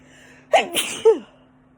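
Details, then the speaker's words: Single adult sneeze triggered while sniffing incense home fragrance samples: a quick sharp inhalation, then an explosive burst of air with a voiced tail, over faint room hum. "These are some really fancy incense. And they also make me sneeze."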